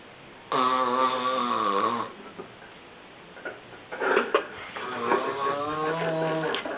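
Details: Snoring from an adult flatmate sleeping after a night of heavy drinking: a loud, buzzing, tone-like snore, then snorting and a second wavering snore.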